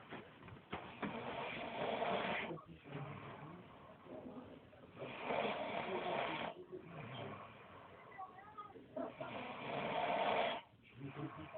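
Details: Older brother snoring while asleep despite saying he doesn't snore: loud, rough rattling snore on each slow inhalation, about 15 breaths a minute, quieter pauses between.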